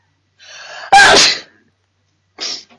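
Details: A young Chinese woman with allergy who later asks about rhinitis medicine, sneezing: a single wet sneeze with a voiced inhaling build-up, then a short sniff.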